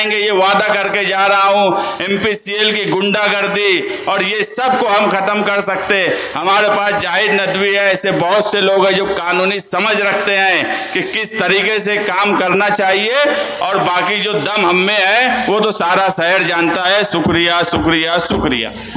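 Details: Adult speaker addressing a crowd through a loudspeaker; Normal speech.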